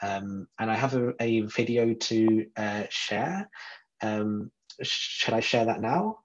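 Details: Stuttering in an adult man from the UK who describes himself as a person who stutters.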